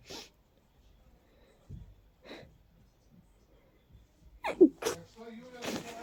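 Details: Person with allergies in full bloom, stuffy all day: several powerful, stifled, congested sneezes in quick succession; an allergic sneezing fit.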